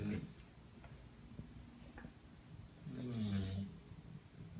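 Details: Bulldog asleep on a person: a low rumbling snore with a snorting noise, then quieter breathing and a second loud snore; noisy bulldog sleep breathing.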